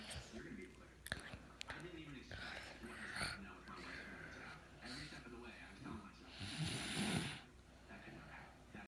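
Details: Boy snoring, recorded January 2017: repeated rattling, snorting sleep breaths with some background voices.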